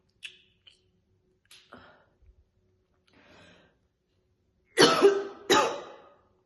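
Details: Woman chain-smoking two cigarettes, dangling them hands-free: a few harsh throat-clearing sounds, then two strong, loud coughs in a quiet room; a heavy smoker's cough.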